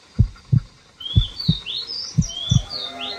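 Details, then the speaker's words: Dog's heartbeat heard through a stethoscope, described as very fast; dull, regular low thumps with birds chirping in the background. "അല്ലേ ഇവന്റെ ഹൃദയം എന്തൊരു fast ആയിട്ടാ ഇരിക്കുന്നേ"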